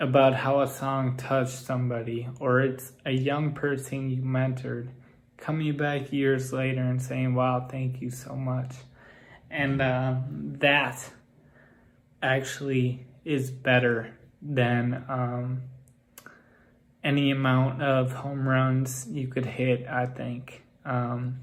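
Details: Ataxic dysarthria in an adult man with Friedreich's ataxia whose speech has grown progressively more impaired.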